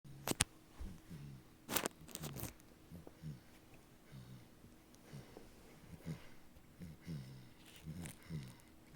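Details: Dog snoring in its sleep with its eyes open: soft, low, irregular snorts and rumbling breaths, with a few sharp clicks at the start.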